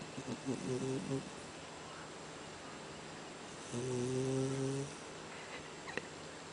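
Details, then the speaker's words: Cat snoring while sleeping out cold; two droning, buzzy snores a few seconds apart against quiet room noise. "What's up, buddy? You done snoring? You're such you're such a funny cat."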